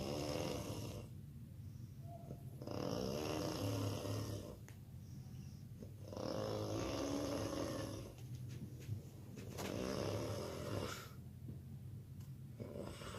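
Loud, rattling snores on each breath, about 17 a minute, with quieter outbreaths between them: heavy snoring.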